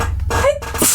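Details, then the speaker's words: A short, partly stifled adult sneeze: a voiced catch, then a hissing burst of air, over a low steady room hum. "sneeze you didn't hear that that was a secret between you and me no one will ever believe you salute thank you"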